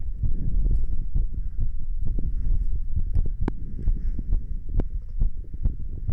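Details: Standing adult's normal heart sounds, repeated low dull heartbeat thumps over low body and handling noise, recorded while standing.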